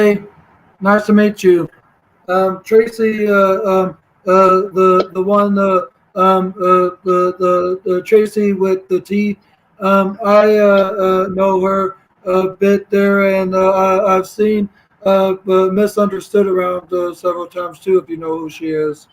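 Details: Stuttering in a 32-year-old speaker who reports autism, ADHD, bipolar mood disorder and seizure disorders.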